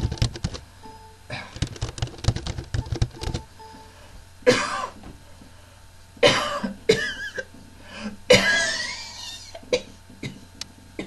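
Several forceful acted coughs follow an opening of rhythmic clicking sounds with a steady low hum in the background: an imitated cough.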